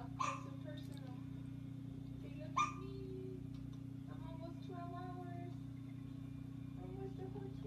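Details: Newborn boy, one day old, held in hospital: two short, sharp hiccup sounds about two seconds apart over a steady room hum, his first hiccups.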